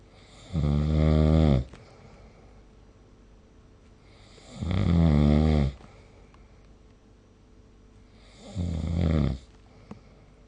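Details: Snoring recorded with the SnoreLab app: loud, deep, rumbling snores on each in-breath, about 15 a minute, with quiet between; heavy snoring during sleep.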